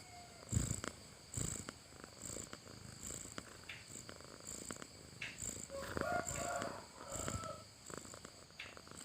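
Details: Sleeping cat snoring: soft, rhythmic, rattling breaths, light snoring with a purr-like quality, over faint room noise.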